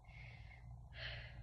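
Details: Stethoscope diaphragm auscultation over the shirt on a woman's back, left upper, right upper, right lower, left lower, during mouth breathing in and out: normal breath sounds; patient denies shortness of breath.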